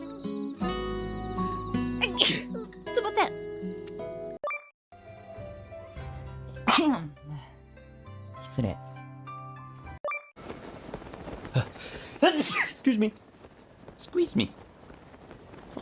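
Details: Compilation of sneezes from several different VTuber livestreamers: separate, sharp, ordinary sneeze bursts from different voices over background music and game sounds.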